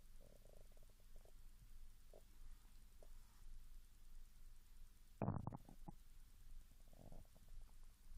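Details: Japanese woman after 16 hours without food, growling began after drinking mineral water, recorded with the device held directly over the stomach: low gurgles and a loud squealing burst of rumbling, hunger borborygmi.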